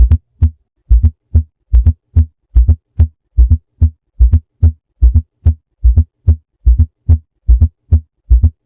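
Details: Fourth heart sound (S4 gallop) linked to myocardial infarction: regular low heartbeat near 73 a minute, with an extra soft sound just before the first heart sound.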